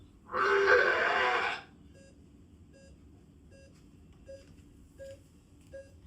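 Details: Patient simulator manikin used in CPR training, voiced by the instructor through a microphone when asked whether it is vomiting, gives a harsh, rasping retching sound followed by steady monitor beeps; simulated vomiting/retching.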